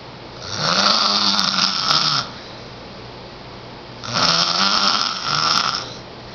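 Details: 10-year-old boy asleep, snoring loudly enough to be heard through a closed door down the hall: two loud, rattling inspiratory snores, each about two seconds, roughly fifteen breaths a minute.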